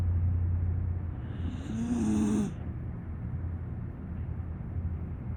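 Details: Sleeping pocket pit bull–type rescue dog snoring: a soft, low, rumbling snore with a brief higher whistling note partway through; ordinary sleep snoring.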